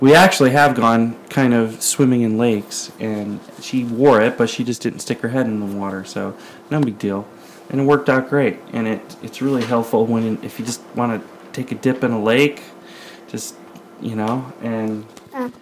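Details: Adult speaker; ordinary speech.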